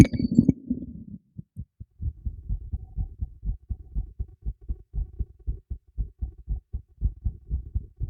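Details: Own heartbeat recorded with a new microphone fixed beneath a teacup: after a brief clink, steady low thumps at about 120 a minute; normal heartbeat.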